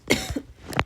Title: Just a normal gaming video as I cough in agony